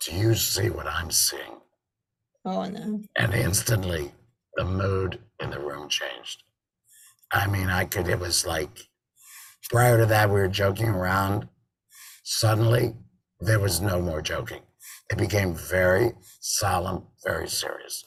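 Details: Adult man with total laryngectomy in February 2019 and a tracheoesophageal voice prosthesis since September 2019, who says prosthesis speech makes him swallow much air: tracheoesophageal speech.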